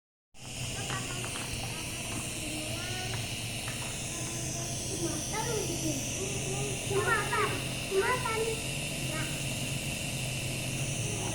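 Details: Nebulizer (steam inhalation) running for a child's cough, given by a midwife: steady hissing with low motor hum, child's voice and room sounds in background.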